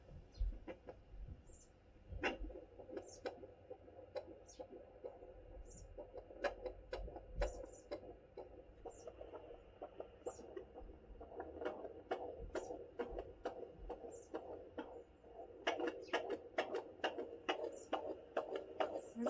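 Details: Fetal heartbeat on Doppler at 32 weeks in a fourth pregnancy: rapid, regular galloping whoosh-thumps at about 134 beats a minute.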